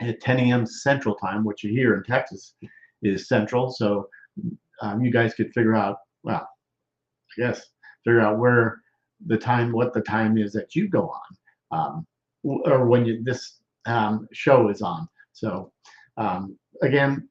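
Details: Male stroke survivor, more than 13 years post-stroke, with self-reported Broca's expressive non-fluent aphasia involving word-finding difficulty, trouble with function words and word substitutions: expressive (Broca's) aphasia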